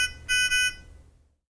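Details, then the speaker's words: Nonin PalmSAT 2500/2500A handheld pulse oximeter: shrill electronic alarm tones signalling oxygen saturation or pulse rate outside the preset range, then silence as the alarm stops once values return to range. "when oxygen level or pulse rate returned to the preset range the alarm will stop and return to normal monitoring function"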